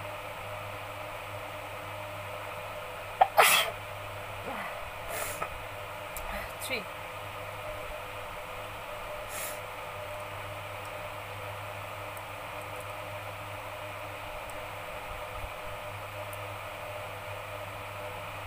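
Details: One sharp explosive burst then softer sounds over room hum: a single sneeze in an adult woman deliberately provoked with folded paper in a sneezing challenge.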